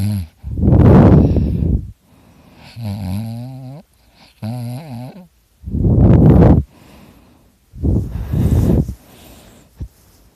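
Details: Adult recorded while asleep, likening it to a chainsaw: loud, rough, rattling snores alternating with wavering, whistly breath tones, about twelve breaths a minute; heavy snoring.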